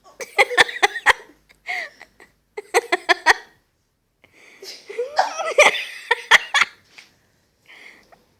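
Sharp, abrupt catches in the voice recur among laughter and breathy sounds, fitting hiccups.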